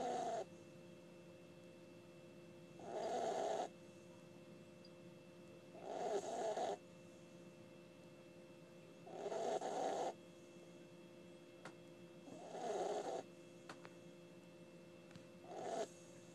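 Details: Snoring from a sleeping pet dog (puppy): regular snoring breaths about three seconds apart, roughly 19 a minute, over a steady background hum.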